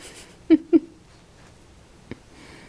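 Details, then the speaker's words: Magnus the bulldog with hiccups, recurring again: two short, sharp gulping sounds close together, then a fainter one in a quiet room; dog hiccups. "Magnus, you got the hiccups? You got the hiccups. You got the hiccups again."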